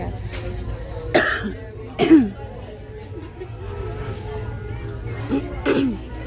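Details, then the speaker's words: Adult suddenly coughing in a store, describing a very dry, choking cough: four harsh cough bursts in a row amid shop background noise and faint music, a coughing fit. "hey guys I'm choking I don't know if I can finish the video I don't want people to freak out on me I got a very dry"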